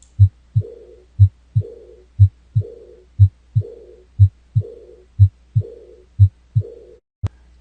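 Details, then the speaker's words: Aortic regurgitation (aortic insufficiency) example: regular heart sounds at 60 a minute, each second sound followed by a soft, blowing, decrescendo diastolic murmur that fades as diastole proceeds. "This causes a diastolic murmur and the murmur is classically described as decrescendo and blowing. It's called decrescrescendo because over time it gets quieter as diastily proceeds and I'll play you an example of this murmur."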